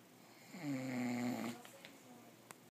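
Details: Adult man sleeping after Christmas dinner and drinking whiskey: one long, low, buzzing snore on an in-breath lasting about a second, then quiet room noise and a faint click; snoring.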